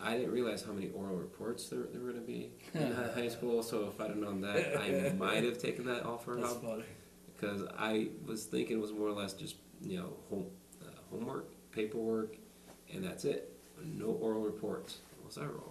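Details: Adult man with lifelong stuttering, speaking in conversation without the SingRite device; stuttering.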